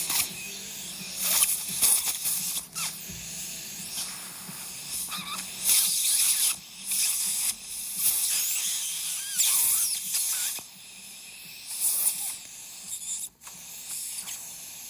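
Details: Dental drill during removal of two supernumerary teeth in a 6-year-old under nitrous oxide and local anesthesia: repeated high-pitched whining bursts starting and stopping, with hissing suction between.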